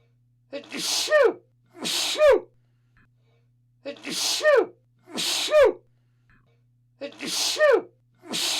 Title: Sound of Sneezing/ Zvuk kijanja